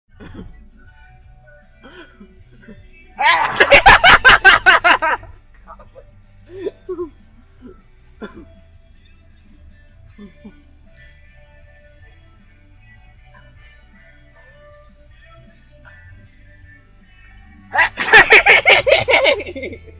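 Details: Grandma sneezing: two loud, prolonged sneezes with a rapid fluttering, stuttered quality, separated by a quiet stretch with faint movement noise; background music. Sneezing.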